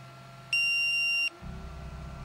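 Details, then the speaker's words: Single steady high-pitched beep under a second over low room noise, triggered by a man with ALS scrunching his cheek, signalling he is choking on saliva or mucus and needs suction; patient-triggered choking alarm. "he triggers this alarm by scrunching his cheek it means he's choking on his own saliva or mucus"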